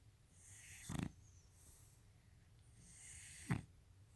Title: Sharpei snoring